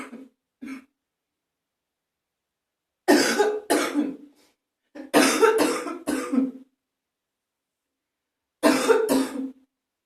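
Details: Morning phlegmy productive cough with spitting in a bathroom: several short wet throat-clearing coughs in pairs and small bursts, in a quiet echoing room.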